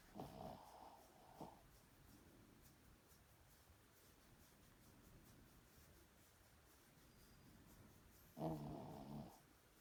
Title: Snoring